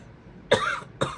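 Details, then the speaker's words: Two short, abrupt dry coughs about half a second apart from an adult, over faint room noise. "sorry did you guys hear that that's Skittles whenever I cough or sneeze he um does the same thing sorry about that"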